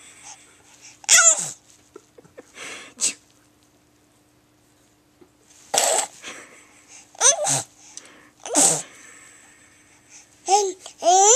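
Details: Young girl sneezing for her mother: a run of several sharp sneezes, most ending in a short voiced squeak, separated by pauses and quiet breaths.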